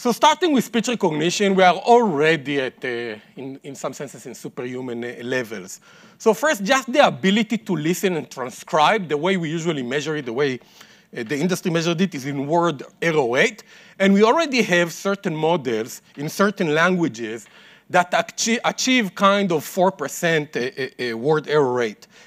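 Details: Adult male speaker; normal speech.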